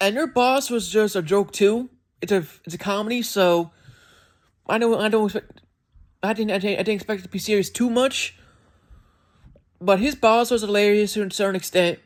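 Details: Adult male with a self-described speech impediment, which can make his speech sound like he is skipping words; disfluent speech with word and phrase repetitions.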